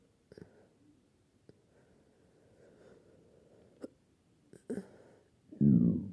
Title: hiccups after I stuffed myself like a pig